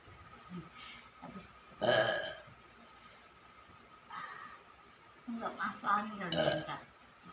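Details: Woman burping continuously and loudly while massaging: several loud, drawn-out belches in a row with brief talk nearby; repeated burping.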